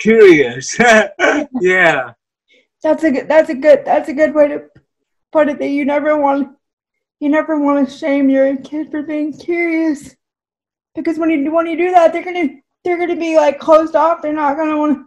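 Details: Woman with cerebral palsy whose voice and speech are affected; dysarthria (cerebral palsy).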